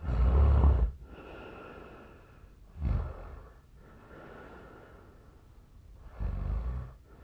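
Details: Real archived recording, made 8 years ago when thinner, of a Japanese adult's heavy sleep snoring: low, rough snorting breaths about every three seconds with quieter airflow between; the snorer suspects a long-standing sleep disorder.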